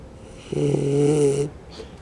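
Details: A 3-month-old Shar Pei puppy snores within a second of falling asleep: one long, loud, rumbling snore on an indrawn breath, with a steady low buzz.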